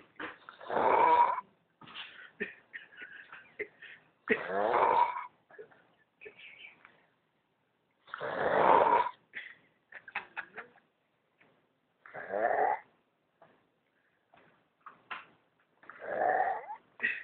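Rough, fluttering breath sounds return about every four seconds, with softer noises in between: snoring.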